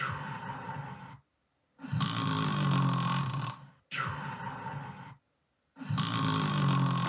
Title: Another new snore for endless numbers 80.